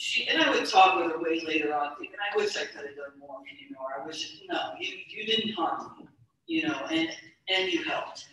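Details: Stuttering in a woman speaker who stutters; real speech.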